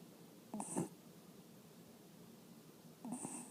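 Two soft snorting breath sounds about two and a half seconds apart over quiet room noise; gentle snoring in a small pet.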